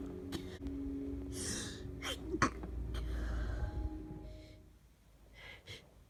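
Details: Person with half a cold, stuffy and runny nose but otherwise feeling fine: several mostly stifled, muffled sneezes over background music.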